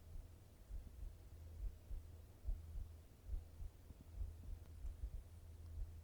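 Soft, regular low thumps of a heartbeat at about 70 beats a minute over a faint hum.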